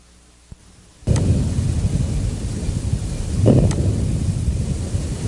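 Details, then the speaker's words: Early inspiratory crackles: low rumbling breath sounds with brief crackles early in inspiration, typical of severe airway obstruction in proximal larger airways, not cleared by cough or posture; seen in chronic bronchitis, asthma, emphysema. "crackles are characteristic of severe Airway obstruction and appear to be produced in the proximal and larger Airways they are not silenced by cough or change of posture"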